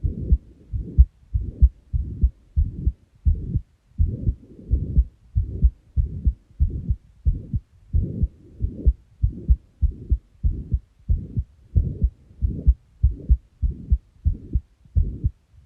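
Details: Steady low heartbeats at about 95 a minute, with a soft whooshing sound filling the gaps between beats: a heart murmur.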